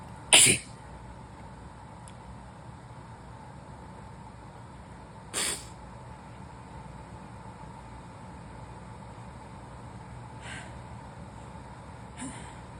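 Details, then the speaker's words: Sneezing fit in an adult with a new cold after a temperature drop: two sharp, explosive, messy sneezes a few seconds apart, then two fainter bursts, over quiet room noise. "Oh no, I'm gonna sneeze. Fuck. Whoa. These are super messy."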